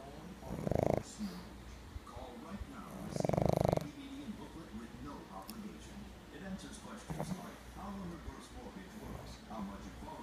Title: snoring Pug Gladys